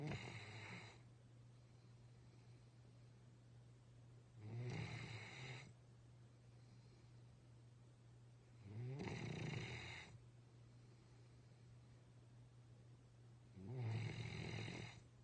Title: Bear snoring